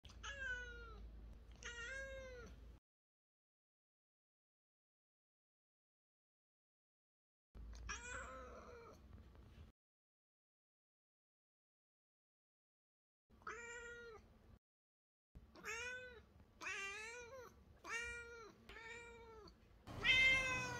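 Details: Male Lynx point Siamese cat with a raspy meow and subdued voice from a still unknown cause, throat culture results pending; hoarse meow (dysphonia).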